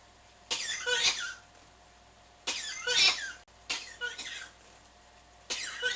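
Four harsh cough bursts in six seconds, some double, separated by short pauses; a persistent, repetitive cough.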